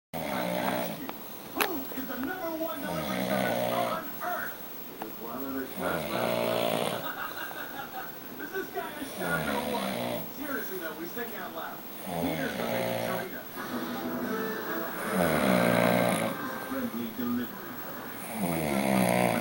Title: Yes - you Snore!